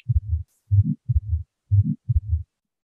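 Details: Regular low heart sounds with a soft humming murmur after the first sound, played as a teaching recording: systolic ejection murmur of atrial septal defect.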